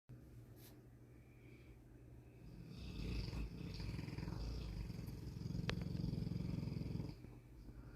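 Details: A Boerboel dog with a larger-than-average tongue, described as a heavy snorer: continuous low rumbling, fluttering snore growing louder with little pause between breaths.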